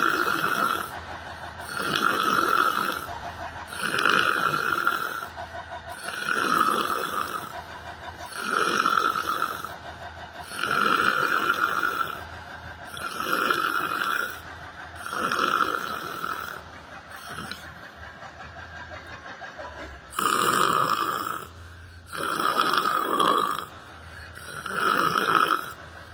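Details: Person sitting on a bench at a library, doing yoga meditation and sleeping: rhythmic, rattling snores about every two to three seconds, with a brief pause partway through.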